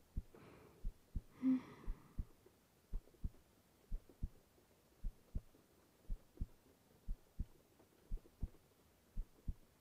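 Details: Soft, regular low thumps of a woman's resting heartbeat, about 60–70 a minute, heard while lying in bed at night, with faint rain and a brief breath; normal heartbeat.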